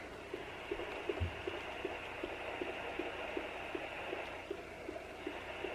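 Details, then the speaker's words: Fast, regular whooshing fetal heartbeat over steady hiss at 13 weeks of pregnancy, home handheld baby Doppler reading 158 then 157 bpm, found slightly right of expected spot; fetal heartbeat on Doppler. "oh there can you guys hear that and it's saying that baby's heart rate is 158"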